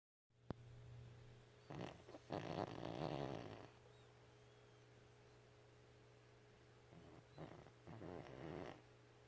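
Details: A 13-year-old Chihuahua, usually grumpy or sleeping, snores loudly in sleep with quiet rough snorting breaths in bursts over a steady room hum; dog snoring.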